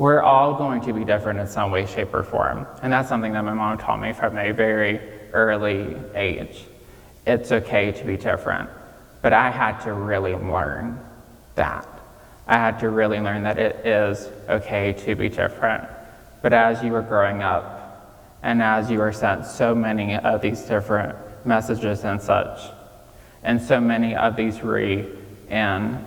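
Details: 26-year-old man with childhood apraxia of speech, nonspeaking until age 5 and diagnosed at age 5, treated with speech therapy five times a week; he says it may take him more time to say what he wants; childhood apraxia of speech.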